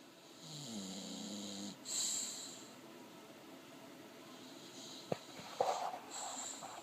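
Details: English Bulldog asleep and dreaming: soft, whistling, wheezy nasal snore followed by quiet snuffles and small dreaming sounds.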